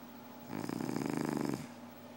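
A single snore lasting about one second, with rapid fluttering vibration; snoring during sleep.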